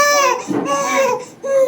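High-pitched, strained infant crying in bursts with short gasps between, a pain cry after vaccine injections.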